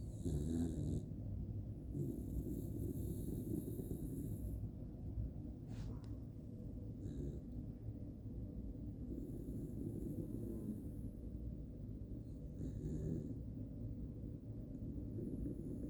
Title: This Jack Russell Snores Louder Than My Dad